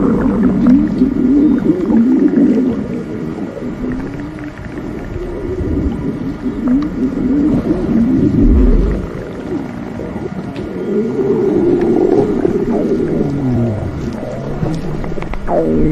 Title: Splendid Stomach Rumbling 💕